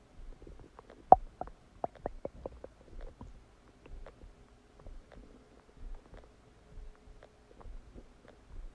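Irregular gurgles, pops and squeaks from the abdomen; stomach rumbling during digestion, a normal sound.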